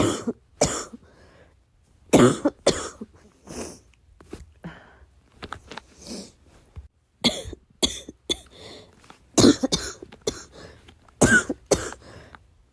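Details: Adult trying to suppress a coughing fit in the middle of the night, not wanting to make noise: repeated short, muffled coughs in clusters, held back in a quiet room.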